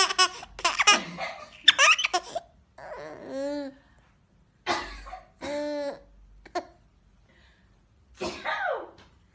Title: baby girl laghing at mom coughing